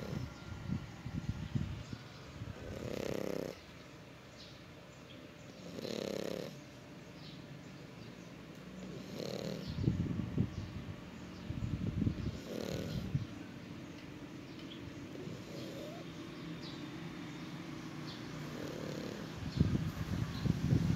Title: Chowchow Na Aso Humihilik | chowchow dog Snoring